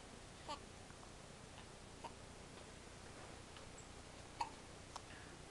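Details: Two-week-old baby girl: soft, brief hiccup sounds repeating about every second or two against quiet room hiss; hiccups.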